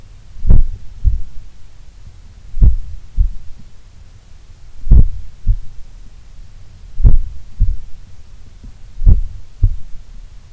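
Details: A person relaxing at rest in a sun room, at probably the lowest resting heart rate they have recorded, has low, paired heart thumps at about 30 beats a minute, steady and quiet: a slow resting heartbeat.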